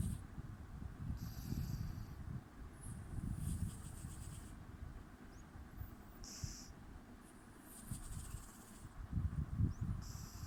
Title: cat snoring